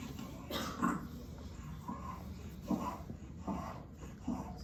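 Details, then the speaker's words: Noisy rattling breaths about 75 a minute with coarse low rumbles of moving mucus and a faint fine high wheeze in a baby with bronchiolitis, RSV presentation: rhonchi with fine wheeze. "So you hear that like where the mucus is moving around, that's kind of that rhonchi sound, okay? But you can also, if you listen really, really close, hear a little bit of a fine wheeze there."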